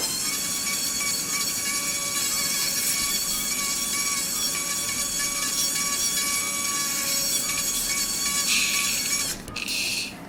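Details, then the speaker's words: Otologic surgical drill: a diamond dust burr drilling the bony ear canal wall during a right transcanal tympanoplasty with canalplasty, to expose the anterior annulus for a near-total double perforation. Loud continuous high-pitched whine with grinding, pausing briefly near the end. "And as usual, I use a diamond dust burr, because if I use a cutting burr, I believe it's faster, of course, but it's too dangerous for me."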